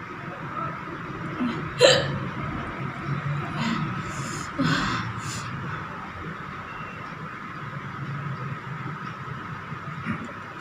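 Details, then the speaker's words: A woman doing a hiccup challenge after eating very spicy green chili with rice and dal, and not drinking water, gives a few sharp, abrupt catching sounds against room noise; hiccups. "तो देख लीजिए दोस्तों, मैं सबको खा के मुझे कितनी हिचकी आती है, और मैं पानी नहीं यूज़ करूँगी, अगर पानी यूज़ करूँगी तो हिचकी बंद हो जाएगी मेरी।"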